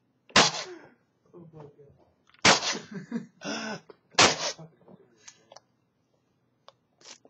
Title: sneeze